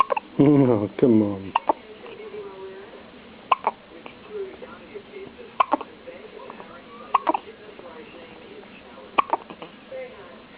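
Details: Newborn baby with hiccups: short, sharp catches recurring every couple of seconds after a brief infant vocal sound.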